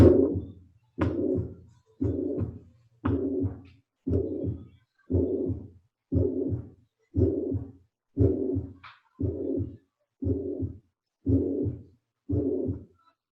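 Steady, even-loudness blowing murmur filling each systole, about 59 a minute: holosystolic plateau murmur of mitral regurgitation.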